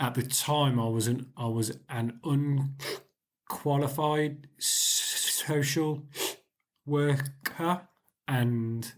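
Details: 40-year-old man with stuttering (stammering) since about age 4 or 5; he still has blocks, though fewer than before the Starfish Project.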